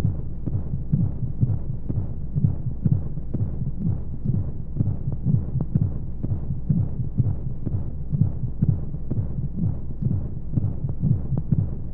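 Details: Baby sleep aid womb sound: muffled regular low heartbeat thumps, roughly 125 per minute, over a steady rushing white-noise hum, as heard inside the womb.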